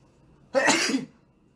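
A single short, explosive sneeze in a quiet room.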